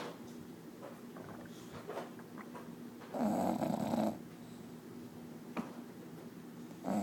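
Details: Bulldog snoring loudly, drowning out the TV; serves as white noise.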